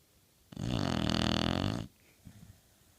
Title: Pit bull snoring